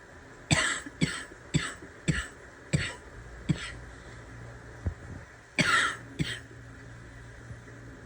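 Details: Barking cough after trying to suppress a cough: a fit of about eight harsh, barking coughs in two bursts, with faint background rumble.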